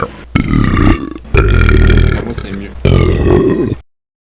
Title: I'm still BURPING in 2025. 30 seconds of sweet burping.